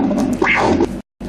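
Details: Handheld Doppler example from a vascular examination lecture on acute arterial occlusion and limb ischemia: a short, noisy whooshing arterial pulse signal.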